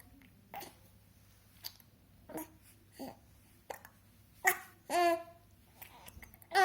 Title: Baby not happy with hiccups